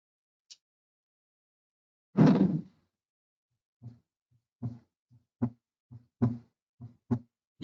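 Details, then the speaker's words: Simulated heartbeat at about 75 beats per minute with paired thuds, played from the aortic region of a SAM 3G auscultation manikin through a speaker, demonstrating mitral valve prolapse. "now hopefully hear mitral valve prolapse prolapse in the aortic region and you can see the rhythm associated with it"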